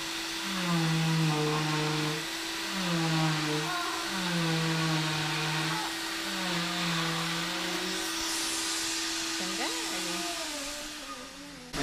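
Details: Final leg cast removal on a son: a cast saw cuts through the leg cast with a steady high-pitched motor whine, with voices and music in the background.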